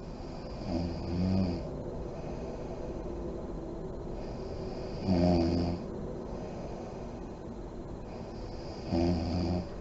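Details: Adult woman (a mother) asleep with lights on, described as deep REM sleep: regular rattling snores on each in-breath, about 16 a minute, over a steady background hum; snoring.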